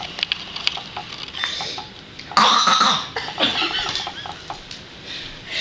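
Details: A young child forces out two loud, voiced coughs in imitation, copying his grandfather's recent slight cough: a voluntary fake cough.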